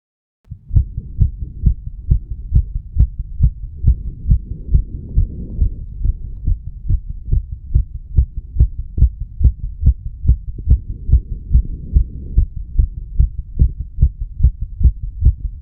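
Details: 34-year-old male's heartbeat recorded at the mitral area after smoking nicotine and "green stuff": steady, fairly quick heart sounds with a slight change in rate and sound, with some rustling noise.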